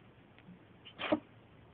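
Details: A single short, sharp sneeze from a small pet in a quiet room.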